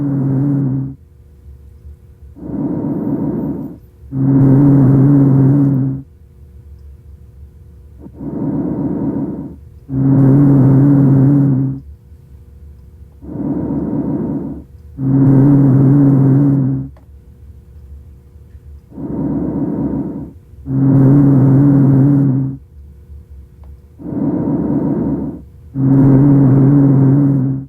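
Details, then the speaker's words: Rhonchi (sonorous wheeze): low-pitched, snoring-like rumbling with each breath, from mucus secretions adherent to the walls of the large airways, typical of acute or chronic bronchitis. "Roni is a sound that is heard in the larger Airways and is caused by mucus secretions adherent to the bronchial walls it is also called a sonor we and could sound like snoring"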